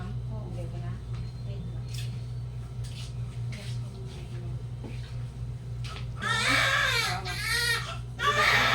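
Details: Newborn baby girl, 3.6 kg, delivered at 3:40 PM by normal birth in a third pregnancy: room noise and voices, then strong, rising cries; a healthy newborn cry right after birth.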